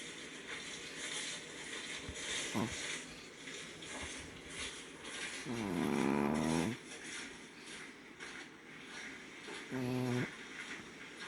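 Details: Dog Riley sleeping on her back in the owner's arms outdoors, snoring with soft, tonal, groaning breaths over outdoor background noise.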